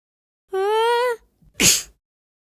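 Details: A drawn-out tonal vocal sound, then a single sharp, explosive sneeze.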